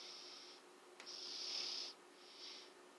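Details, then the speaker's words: Sleeping baby boy snoring loudly, recorded close up: hissing, wheezy airflow over a few breaths with a whistling snore, described as snoring like an old man. "My baby over here snoring like a motherfucker. Oh yeah. Like an old man."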